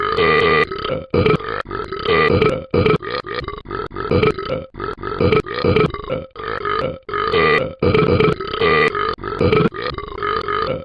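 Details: Repeated burping: a rapid run of about a dozen loud, drawn-out throaty belches with brief pauses between them.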